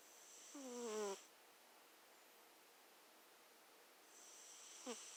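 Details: Pet cat sleeping: soft, squeaky, whistling nasal sounds on breaths with silence between; a quiet, cute snore.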